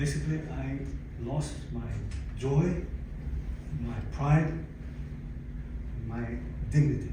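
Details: Adult man, 62, with aphasia acquired after a stroke in December 2011 that followed a cardiac ablation for arrhythmia; he describes loss of languages and speech and attends aphasia-center speech therapy; aphasia.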